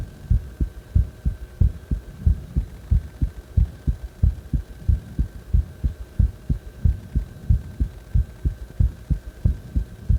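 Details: Heartbeat recorded after or during CPR: steady, regular low thumps at about 92 beats a minute over a faint steady hum.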